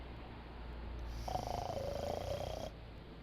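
A single rough, fluttering snore lasting about a second and a half, with quiet breathing noise before and after.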